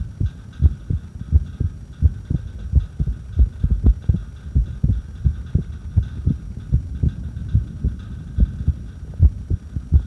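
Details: Heartbeat recorded during a breath hold: low heart thumps at about 86 a minute with uneven spacing between beats; irregular heartbeat.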